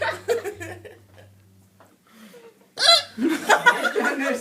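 Short, sharp voiced catches repeat over a few seconds, followed by laughter. The pattern fits hiccups.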